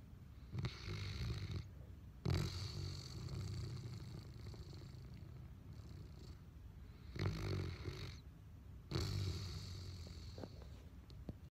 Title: Seeds of Happiness Snoring dog